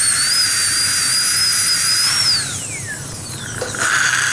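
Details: Dental high-speed handpiece: steady high-pitched whine dropping in pitch as it slows, with hiss, during tooth preparation for a crown using a gum protector.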